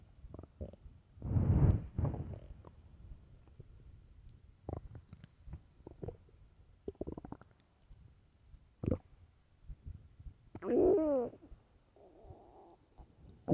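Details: Loud stomach growling from hunger (starving), recorded for headphones: loud rumbling and gurgling bursts with squeaky rising gurgles and scattered pops; normal hunger borborygmi.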